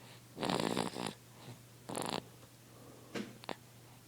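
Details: Sleeping baby girl, very tired, snoring: short rough fluttering breath noises, a few in four seconds.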